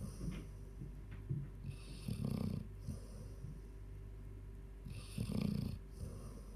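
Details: 14-year-old Labrador snoring: low rumbling snores with soft wheezy whistles, two main snoring breaths over about seven seconds, under steady background hum. Snoring.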